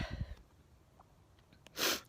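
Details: Adult with repeated sneezing, who guesses warmth or tiredness after a first day back at work: after a quiet pause, a single sharp, hissing burst of air; one sneeze.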